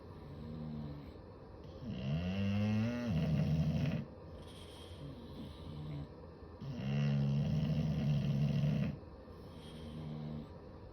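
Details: Loud, rumbling snores from two sleeping bulldogs together, with long harsh inward snorts and softer breathing between.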